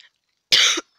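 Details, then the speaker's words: A single short, harsh cough burst from a speaker who says he has a bit of a cold, coughing while playing a video game; cough. "is dang I just did a big cough oh my goodness all right let's just um get over to racing so let's just use the eye bolt now I've got a bit of a cold as you could see"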